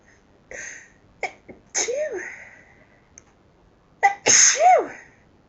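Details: Two sharp sneezes, each with a quick indrawn breath before the hissing burst and a falling voiced release, within a long run of repeated sneezing.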